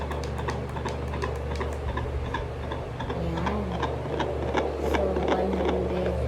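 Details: Fetal heartbeat at about 160 beats per minute, picked up by a handheld fetal Doppler heart rate monitor with LCD display: rapid, regular whooshing beats.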